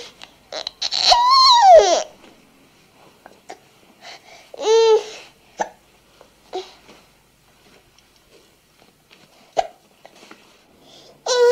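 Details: A 58-week-old baby girl playing with a teddy bear, with hiccups and a sneeze; a library sound-effects recording.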